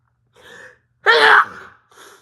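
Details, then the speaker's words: Person with a cold, sneezing: a soft intake breath followed by a sharp, loud single sneeze burst and a quieter trailing breath. "so I am took off work today literally I can guarantee I'll sneeze up B times in this but y see"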